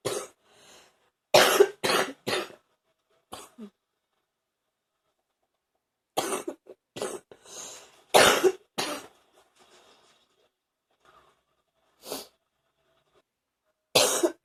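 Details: Adult still coughing up morning phlegm: repeated bouts of harsh, loose-sounding coughs, a productive cough.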